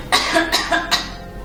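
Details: Acted pharmacy scenario of a 5-year-old boy coughing for 2 days after an upper respiratory tract infection, no other symptoms: quick run of short, harsh, non-productive coughs without mucus rattle; dry cough.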